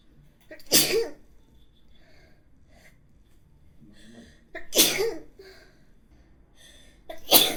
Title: sneezing 1(Sample, High Quality)